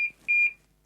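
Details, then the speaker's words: Infusion pump air-in-line alarm: two short, high-pitched electronic prompt beeps asking whether to advance air, during a demonstration of removing air without disconnecting the giving set from the patient. "this is to demonstrate removing air from the line without removing the giving set from the patient the alarm will be running it is asking if you want to advance air"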